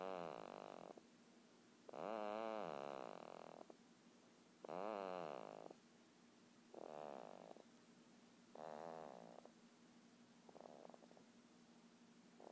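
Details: Sleeping female snores with repeated rough, buzzing breaths about every two seconds, some fluttering, about 28 per minute; snoring.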